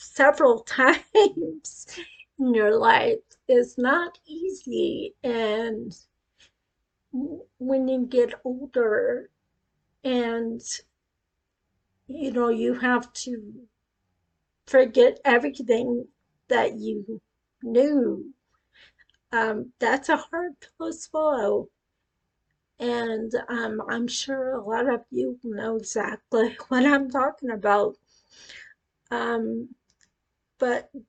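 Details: Adult woman with acquired cerebellar ataxia that began after a brain tumor at age 18, first said to be non-progressive and now deteriorating; she reports her speech is affected; ataxic dysarthria.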